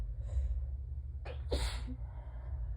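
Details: A short inward gasp, then a sharp, partly stifled sneeze over a low room hum, during an allergy sneezing fit with a peppermint held in the mouth, so some sneezes sound strangled. Allergic sneezing.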